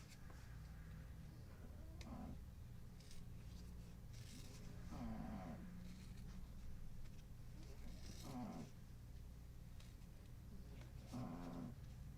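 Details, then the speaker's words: A dog known to snore a lot sleeps during a crafting recording: soft, rhythmic snoring bursts about every three seconds over a steady low room hum. "Can you hear Coda snoring? Most of the community and the family here knows about Coda and that he snores a lot."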